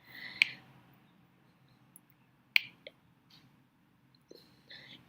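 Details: Percussion over the right hypochondrium: dull note, low intensity, high pitch, brief duration, normally from the liver.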